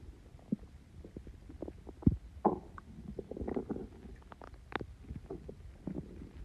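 Irregular gurgling, bubbling and low rumbling bowel sounds: stomach growling from gas moving through the gut after a fizzy drink.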